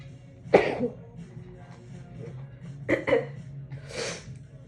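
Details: Sneezing fit after a shower, induced by tickling the nose with a wet strand of hair (perfume occasionally triggers it), muffled with a towel; several sharp muffled bursts, each with an airy build-up and explosive release.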